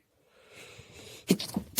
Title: Quiet sneezing